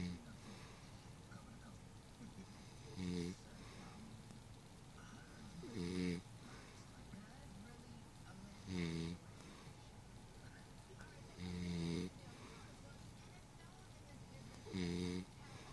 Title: She Got Caught Slipping....Sleeping...n Snoring